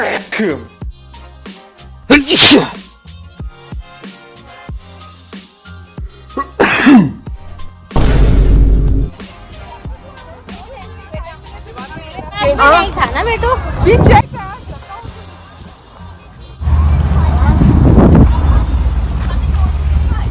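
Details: Imitation sneezing as a prank: several loud, abrupt, faked sneeze-like bursts over background music and talk.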